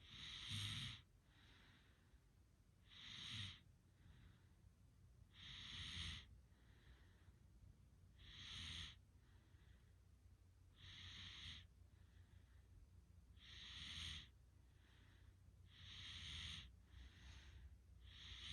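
Soft, regular, hissing snorts repeat about every two and a half seconds, with quieter breaths between them. Steady snoring breathing.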